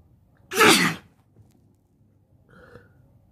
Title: Sneezing while sitting on the bed